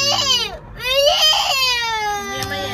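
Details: A young child crying in loud, high, wavering wails with brief catches of breath between them.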